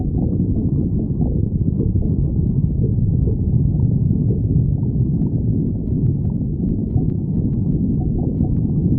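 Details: Stomach growling (borborygmi): continuous low rumbling and gurgling with irregular bubbling surges.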